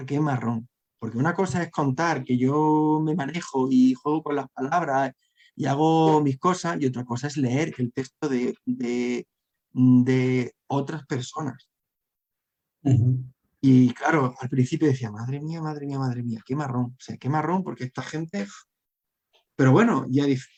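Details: Adult man who has stuttered since childhood and struggled to hide it through adolescence, now a storyteller and a member of a stuttering foundation; stuttering.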